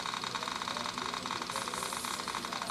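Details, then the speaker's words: 3Shape Trios intraoral scanner in model-scanning mode, scanning a tooth model in a simulation lab: steady hissing hum with a fast, regular fluttering pulse as the scanner follows the tooth; dental scanner running. "This button right here turns the scanner on. Once it starts to scan, you just follow the tooth along."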